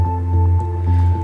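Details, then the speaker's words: Handheld Doppler with gel over the right brachial artery at the elbow crease, blood-pressure cuff on the right arm, during ankle-brachial index measurement in a woman with exertional leg pain (claudication): pulsing whooshes with a steady background tone, a normal triphasic arterial signal. "entendons actuellement un signal triphasé normale"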